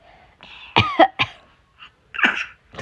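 An adult gives a quick run of three dry coughs, then one more harsher cough after a pause; acted coughing.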